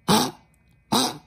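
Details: Small dog with laryngeal stenosis, coughing badly with any temperature change, nearly to bronchitis, and headed to the vet: two harsh, honking coughs about a second apart.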